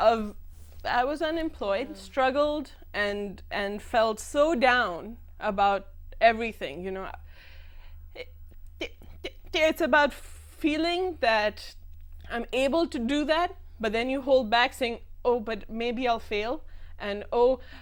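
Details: Adult woman who stammers, speaking in a TV talk-show interview; stammering.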